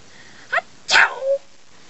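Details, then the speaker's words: Performed imitation sneeze, presented as a "sneeze from China" in a comedic sneezes-around-the-world sketch: a short intake, then one sharp explosive sneeze burst with a brief voiced tail. "let me show you the sneeze from Iraq here's a here's a sneeze from China"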